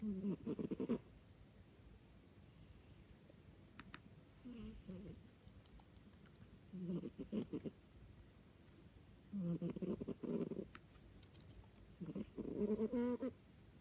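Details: Cat's noisy, loud breathing with a low, snoring-like rumble on each breath (stertor), recorded by the owner while the cat was sick; the cat later recovered.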